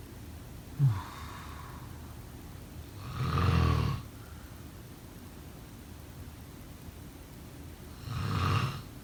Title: Snoring sound …